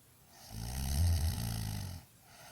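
A single loud, low, rattling snore lasting about a second and a half during inhalation, then quiet; ordinary snoring.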